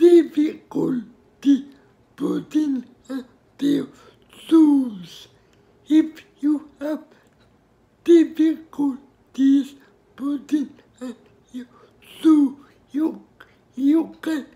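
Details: Adult speaker; dysarthria (cerebral palsy).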